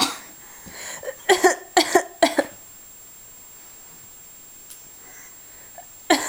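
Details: A child gives a short run of about six sharp coughs in quick pairs, then quiet room noise and one more cough at the end; cough.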